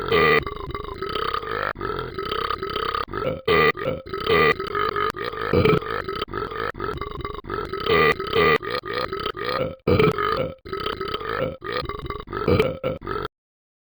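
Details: Excessive drinking and burping: a loud, sustained, croaking belch that runs almost continuously for over ten seconds with brief breaks, i.e. prolonged repeated burping.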